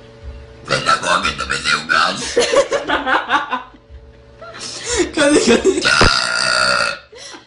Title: Tiny Girls Burps Like A Monster